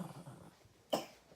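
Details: Young child with a fever and a cough-cold, singing the Korean song "Nabiya": the soft singing trails off, then one short cough.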